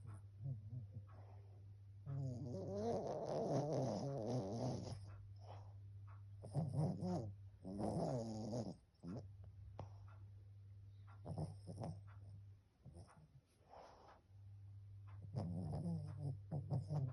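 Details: Sleeping dog snoring: rumbling, buzzing breath noises, some with a grumbling tone, over a steady low hum.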